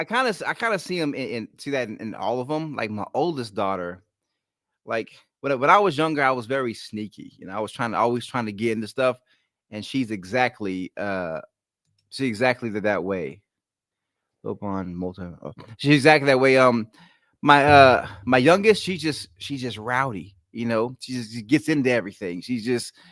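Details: Adult male with a lifelong stutter, ten times worse in childhood, worse when excited or relaxed; here visibly concentrating; stuttering.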